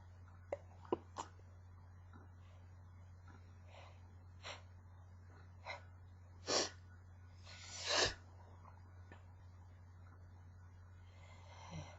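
Several short, muffled bursts through the nose, with clicks and catches before them; stifled sneezes held back. Steady hum in the background.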